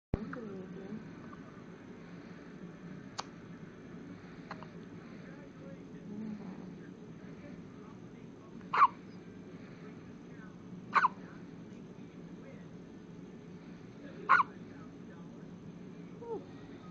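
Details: Three short, sharp hiccups a few seconds apart over quiet room noise; hiccups.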